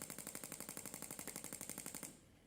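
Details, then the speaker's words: Shockmaster 300 Gymna shockwave therapy for grade 2 cellulite, 1.6 bar, 10-12 Hz, 20mm head, gel, about 4000 shocks given in 200-shock intervals: rapid, regular sharp popping bursts, about ten a second, then stopping. "doing the shocks at 200 shock intervals does seem to be effective actually for shot for cellulite the shock wave does seem to break down the divisions underneath the skin"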